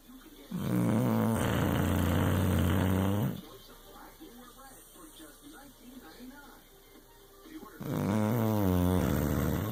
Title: Tired snoring